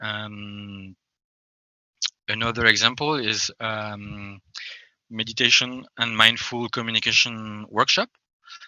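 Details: Adult French man who self-identifies as a person who stammers, speaking English; stuttering.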